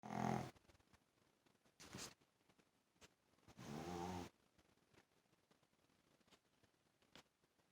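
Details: Sleeping Shih Tzu dog: two loud rough snoring breaths with quiet gaps and faint rustling between them; snoring.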